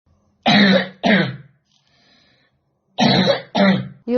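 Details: A 12-year-old boy with a chronic cough for about 7–8 years, worse over the last 3–4 years, coughing day and night and unable to attend school; repeated harsh, voiced cough bursts in pairs.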